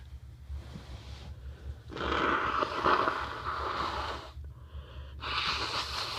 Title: Congested sniffle and nose blow